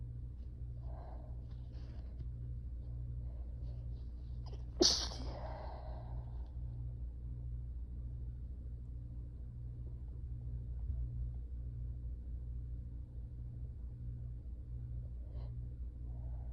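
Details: Adult sneezing while tired and slightly feverish, possibly coming down with illness amid stress and ragweed season: a soft breath in, then one sharp explosive sneeze, followed by quiet breathing; one of about four clips from the same sneezing fit.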